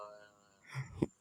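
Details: Person gaming who says their voice changed because of coughing; cough.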